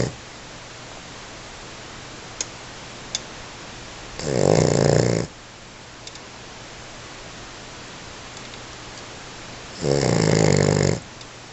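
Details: American Bully Pitbull puppy, male, snoring very hard while asleep: two long, loud rumbling snores about six seconds apart, each a fast rattling flutter on the in-breath, over steady room hiss. Snoring.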